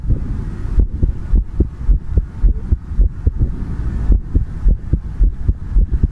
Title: ASMR Heartbeat Sound | Heartbeat Sound ASMR | 2022-02-16